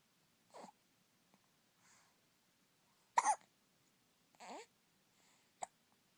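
Several brief, sharp, abrupt vocal bursts with quiet gaps between them, consistent with hiccups.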